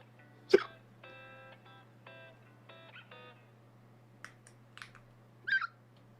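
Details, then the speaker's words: A single sudden, loud, explosive sneeze over quiet background music during a live stream; the streamer had said they needed to sneeze again. "Sorry, that was really loud. Um, okay. Oh, that sounds very Chihuahua."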